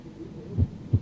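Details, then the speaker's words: Simulated heart tones heard by stethoscope on a virtual reality patient: single low lub-dub with long silences, a slow rate; bradycardia, speaker suggesting possible third-degree block. "the first thing you notice about listening to this Heart tone [Music] that is slow AF my friend we need to get you treated"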